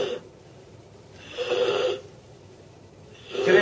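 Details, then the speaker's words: Objective sign of airway obstruction, alongside agitation, cyanosis and accessory muscle use: loud, harsh, rasping breaths about every two seconds; noisy wheezy obstructed breathing. "objektif havayolu tıkanıklık bulguları ajistasyon huzursuzluk ve siyanoz ütopsi belirtileridir günlük hipervi belirtileridir yardımcı solunum kasların kullanımı gürültülü hırıltılı solunum sesi"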